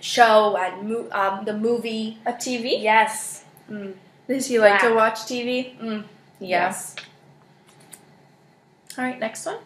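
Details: Adult female clinician speaking; no disorder.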